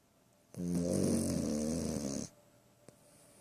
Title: The snoring monster